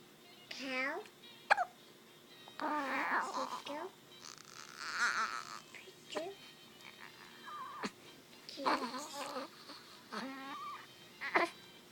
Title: Crying newborn baby boy